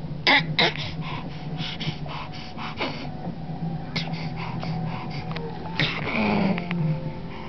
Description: baby coughing with sound